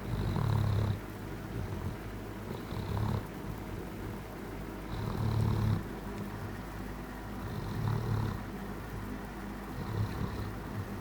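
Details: Cuddling at night, he makes a happy snoring-purring noise: soft, low, rumbling snores about every two and a half seconds, roughly 24 a minute, over steady background hum. Snoring.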